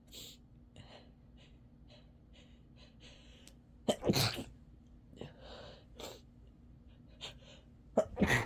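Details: Adult with a cold: soft breathing and sniffing, then two forceful sneezes with sharp intakes of breath; sick sneezing.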